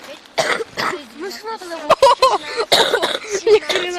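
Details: Several short, harsh coughs mixed with brief voiced sounds and throat clearing, from a cough compilation; a dry cough.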